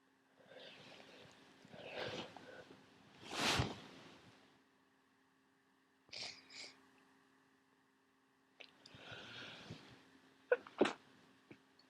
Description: This fit woke me up.